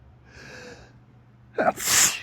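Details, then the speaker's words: Photic sneeze in the morning with strong sunlight beaming through a window onto the face after a sneezy tickle: faint inhale then a single sharp sneeze. "So, I don't know if you guys ever heard of thic sneezing, which is usually caused looking directly at the sun, but for some reason this morning uh it's lasting a bit."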